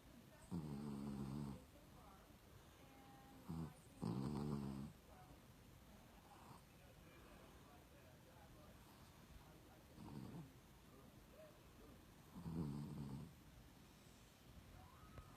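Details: A rescue dog snoring in sleep: four loud, rough, low-pitched rattling breaths with quiet pauses between them.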